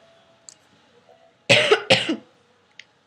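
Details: Coughing fit while recording at a computer: two quick, harsh coughs in a row in a quiet room with faint music.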